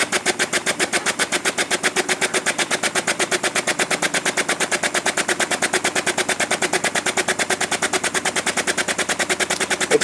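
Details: High-frequency oscillatory ventilator demonstration, frequency raised (up to 12–15 Hz noted for neonates): fast, even, machine-gun-like pulsing, roughly ten per second, sound changing with frequency; high-frequency oscillatory ventilation.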